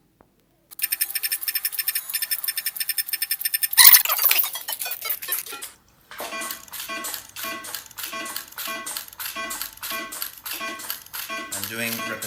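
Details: Radiofrequency microneedling device pulses (cycle mode).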